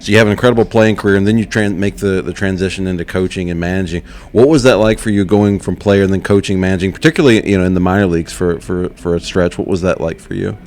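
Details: Adult male speaker; normal voice.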